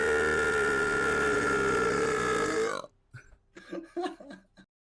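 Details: Long, loud, drawn-out tonal belch lasting nearly three seconds during a Twitch livestream, followed by brief background chatter; burp.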